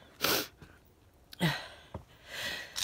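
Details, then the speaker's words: Short hissing bursts of partly stifled sneezing with quick breaths between, in a quiet room; the person says they sneeze several times every day and have done since childhood. "back inside still sneezing oh dear this season doesn't really bother me actually even though i sneeze every day and several times"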